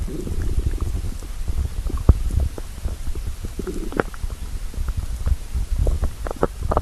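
Continuous low gurgling and rumbling from the belly with scattered bubbly pops. Ordinary stomach growling from hunger.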